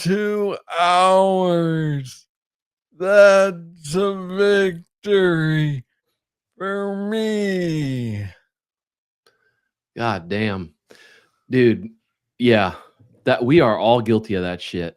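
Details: Adult man with Parkinson's disease diagnosed in 2014 at about age 35, first misread as tennis elbow; slow speech in Parkinson's disease.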